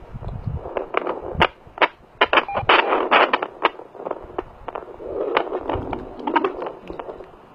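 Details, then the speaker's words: Fetal heartbeat on a home fetal Doppler heartbeat monitor with gel: rapid pulsing thumps over Doppler hiss, displayed at 147 beats a minute. "it shows you shows you the the baby's heartbeat you can hear it"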